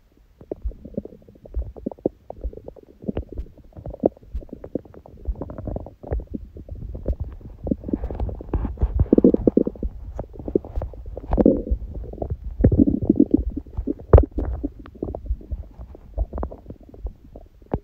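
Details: Bowel sounds recorded after a meal and after ab exercises on a raw-food diet, following a fast from 19:00 the previous day with a large first meal at 16:00: frequent low gurgles, rumbles and squelches with occasional louder bursts, active digestion.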